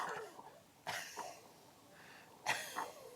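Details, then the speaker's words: Adult demonstrating a lung-sound monitor deliberately imitates a cough with some phlegm: two short, forceful coughs with a slightly rough, phlegmy edge. Simulated wet cough. "好，用一点有点咳嗽的声音。"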